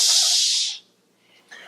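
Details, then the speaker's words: Residual inhibition test for tinnitus: brief high-pitched shower-like hiss of narrow band noise at the exact pitch of the patient's tinnitus, played into both ears for about 3 minutes. "So we use a noise called narrow band noise, that it creates a shower sound at the exact pitch of the tinnitus."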